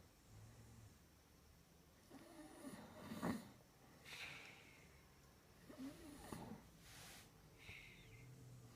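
Quiet room with two rattling, snorting breaths in and softer breaths out, about 15 a minute: snoring.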